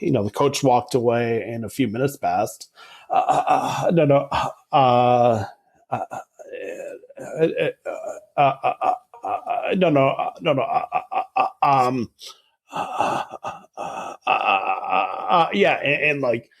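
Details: Adult man who stutters, speaking in a real podcast interview, with filled pauses and repetitions heard; stuttering.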